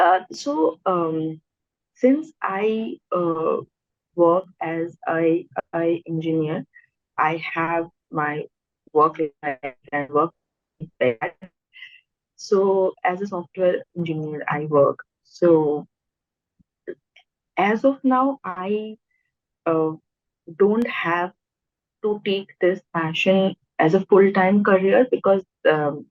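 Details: Stammering in an adult podcast host who also has hearing loss.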